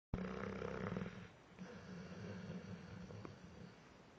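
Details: Dogue de Bordeaux dog napping and dreaming: low, rumbling, fluttery snoring fading into softer rough breathing; snoring.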